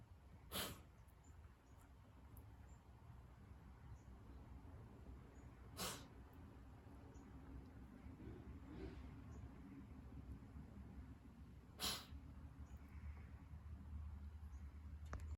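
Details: Tiger coughing, recorded October 2021: three sharp, explosive bursts about six seconds apart over a low, steady rumble; cough.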